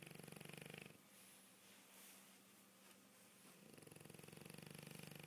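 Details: Snoring from a sleeping dog: rapid rhythmic low snorting at the start and end, with a quieter breathy stretch between.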